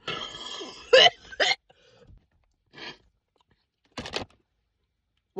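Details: Adult coughing after eating spicy Takis that burned the throat: several sharp, harsh coughs in quick bursts with short pauses, sweating, in a small room; cough.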